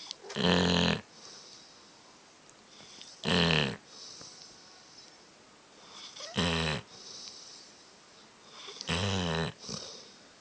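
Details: Sleeping dog snoring loudly: rattling snores on each breath in, about four in ten seconds, with quiet breaths out between; snoring.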